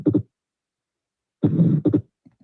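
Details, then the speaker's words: Teaching recording with phonocardiogram: first heart sound, a diamond-shaped ejection systolic murmur with an empty space at the start, and a fixed split second sound with aortic and pulmonic components; atrial septal defect. "this is a the first heart sound this is an ejection murmur is ejection because it's diamond shaped it does not cover throughout syo there is an empty space at the beginning and this is a fixed Split Second sound with the atic and pulmonic component"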